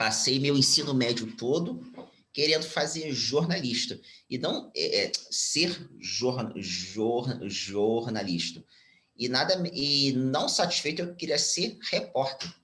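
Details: Stuttering, now mild after speech therapy, in a 34-year-old Brazilian Portuguese-speaking man, speaking spontaneously.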